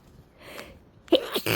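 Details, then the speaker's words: Sneezing fit brought on by sniffing a small amount of fresh chhinkni (sneezing powder): faint breathy lead-in, then a sharp explosive sneeze burst. "Okay. I can already feel them starting. Achoo! Achoo! Achoo!"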